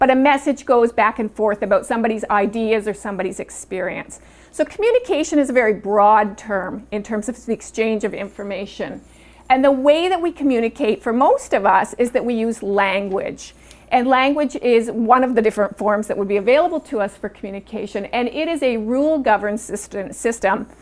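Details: Adult woman speaking; normal speech.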